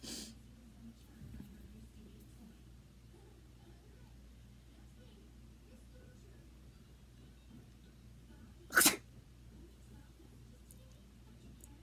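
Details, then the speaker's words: Simulated sneeze: a single short, sharp, deliberately faked sneeze-like burst in a quiet room, made by a person trying to fake a sneeze. "can I fake sneeze okay good one let's see how is that all right again mm-hmm that was a terrible one"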